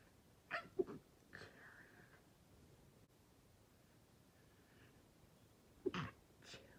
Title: Strong sneezes I tried to keep quiet